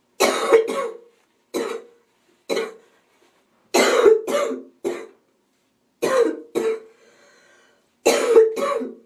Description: woman sick with a cold has a relentless cough.